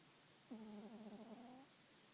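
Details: Cat snoring: a single soft, buzzing, tonal breath sound lasting about a second against quiet room noise; one of two snoring cats.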